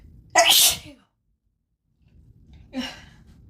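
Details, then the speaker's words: Self-induced sneezing by poking with grass at the start of fall with a high pollen count, in someone without known plant allergies: a loud, explosive sneeze, then after a pause a softer second sneeze. "I didn't realize that just the little grass outside would cause so much like I at least I know of but don't really have um I don't really have like plant allergies but it's definitely picking up right now."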